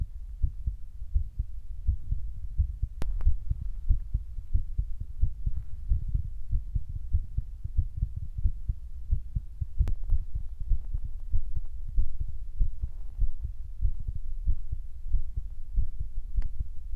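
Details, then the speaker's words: Normal heartbeat, the person's own, recorded close to the body for ASMR: dull, low thumps with a few handling clicks, alongside a remark that 60 to 80 beats a minute is good. "like 60 to like 80 beats per minute is good."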